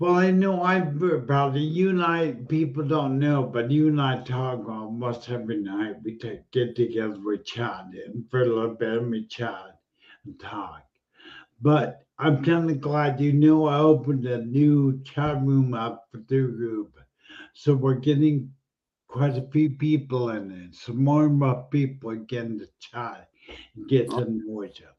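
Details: Adult male speaker; aphasia (speech after stroke).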